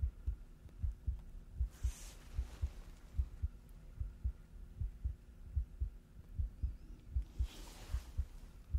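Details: Simulated hospital role-play chest exam through a stethoscope: regular heartbeat about 75 a minute with two soft deep breaths over it; chest sounds clear, normal heart and breath sounds.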